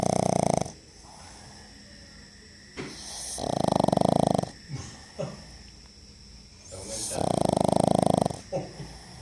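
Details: Pug snoring: loud rattling breaths in and out about every three to four seconds, with snorts between, typical of a flat-faced dog.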